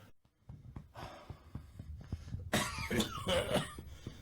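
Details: Chronic cough in a man coughing for years, now with wheeze progressing to asthma: harsh repeated coughing bursts with noisy breaths between them.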